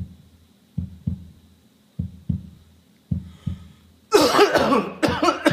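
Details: Muffled low coughs in three pairs, then a louder, harsher coughing bout with strained voicing; a cough.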